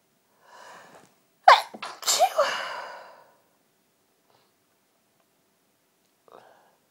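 A soft breath in, then two or three quick sharp sneezes in a row, then silence and a faint sound: an ordinary sneezing bout.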